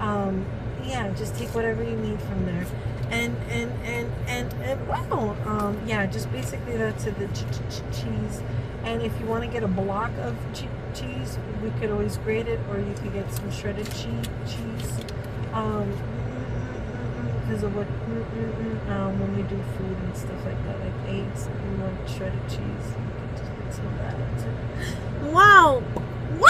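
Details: Woman with Tourette syndrome during a tic attack while running errands, with uncontrollable repeated exclamations and swearing (coprolalia), around the time her medication was due; vocal tics.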